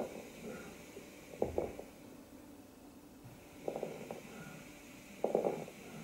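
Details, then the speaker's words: Lung auscultation with slight late-inspiratory crackling as fluid-stuck alveolar walls separate: fine crackles (crepitation), teaching lecture example. "during expiration alveolar stick together as a result of fluid presence during inspiration alveolar walls separate with difficulty at the end of inspiration to produce late inspiratory slight cracking sound"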